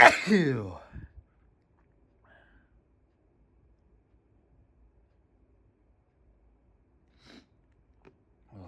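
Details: A loud explosive sneeze with a voiced cry, then quiet and short nose-blowing bursts near the end, from a person with an itchy, stuffy nose who is inducing sneezes: sneezing.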